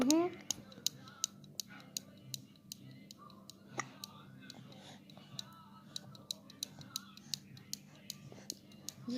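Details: Infant hiccups: repeated short, sharp clicking hiccups over a faint steady background hum and quiet voices.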